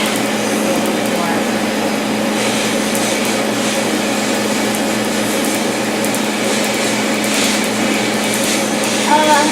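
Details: Laser tattoo removal session, treating a darker name tattoo halfway through a later session: steady loud hum with rapid crackling snaps of the laser firing.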